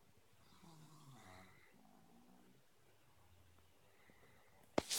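Soft, whistling, snorting breaths from a sleeping flat-faced dog, ending in a sharp noise; snoring.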